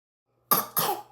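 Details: Young child coughing and trying to speak: two quick, sharp harsh coughs in close succession, a plain cough.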